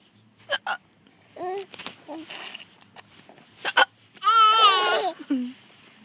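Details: Twin child laughs at fake hiccups: two short, sharp, deliberately imitated hiccup-like catches followed by a child's laughter.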